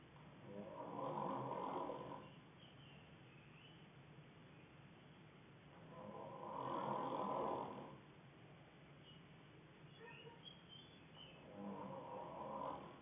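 Steady, rough, rattling snores on each breath in, roughly every five to six seconds, about 11 breaths a minute.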